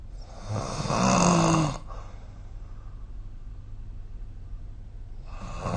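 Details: Snoring recorded with the SnoreLab app: a loud, rough snore on one breath in, a quiet pause, then the next snore starting; typical snoring during sleep.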